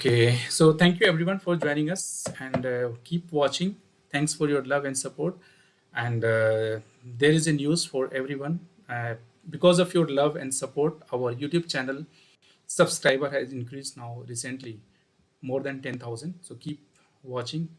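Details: Adult male speaker; Normal voice.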